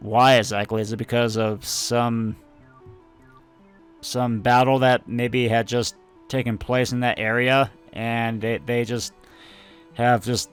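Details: Stuttering in an adult male who says he tries to control his stutter while recording and realized he had it only a couple of years earlier; stuttering.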